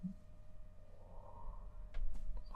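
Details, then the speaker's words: Bowel sounds: quiet, low rumbling with a few brief bubbling pops, ordinary stomach gurgling from gas and fluid moving. "my tummy then did you hear that [Music] gurgle"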